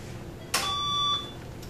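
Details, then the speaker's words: Valleylab Force II electrosurgical generator (ESU) switched on during preventive maintenance demonstration: sharp click then steady high beep about half a second as LED displays light, unit starting in standby mode. "as you can hear the beat noise and led displays are turning on it starts out in the standby mode"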